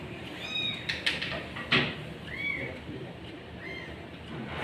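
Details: Sick cat with cough and cold (runny nose) during nebulizer therapy, with foam seen from its mouth: several short, thin meows over the steady nebulizer hiss and room noise, with a few sharp knocks.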